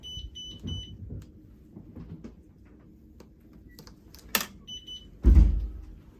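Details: Zoll R Series Plus defibrillator in an emergency department training demo, selector switched to Pacer: three short high beeps, then another beep among handling clicks and thumps; defibrillator pacer mode alarm.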